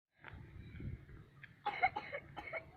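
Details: Three short, harsh coughs in quick succession while eating in a rice field, after a stretch of low outdoor background noise; cough.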